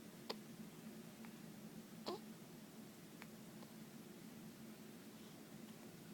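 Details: Hiccups experienced for the very first time: two or three short, sharp hiccup sounds spaced a second or more apart over steady room hum.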